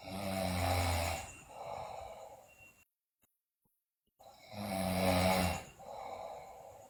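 Two loud, rumbling snores on inhalation, each followed by a softer breath out, with a brief silent gap between them; loud snoring during sleep.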